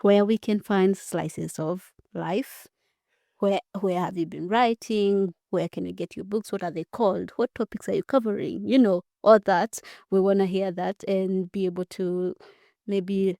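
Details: Adult woman speaking; normal speech.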